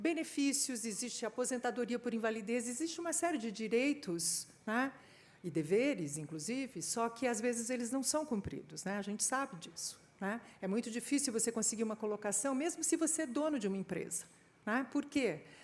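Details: Adult woman speaking Portuguese; normal speech.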